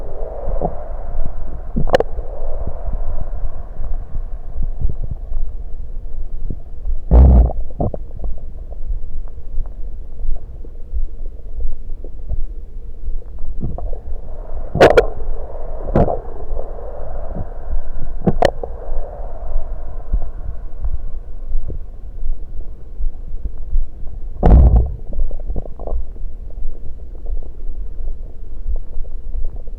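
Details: Adult stomach gurgling recorded while drinking soda: low rumbling gurgles with sharp bubbly pops as the fizzy drink flows into the stomach; bowel sounds.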